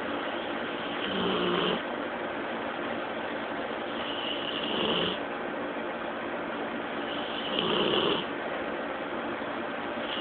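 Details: Pet dog snoring: three rough, snorting snores roughly every three seconds against a steady background hiss.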